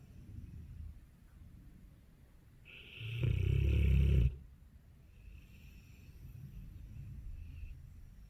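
A single deep, rattling snort-like snore amid low rumbling breath noise: dog snoring.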